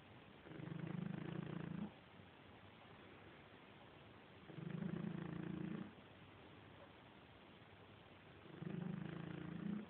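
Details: Quiet snooze while snoring: three slow, low, rumbling snores about four seconds apart, with quiet breathing between them.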